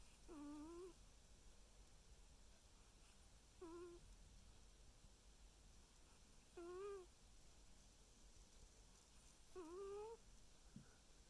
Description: Just thought you might like to watch my cat sleep and listen to him snoring.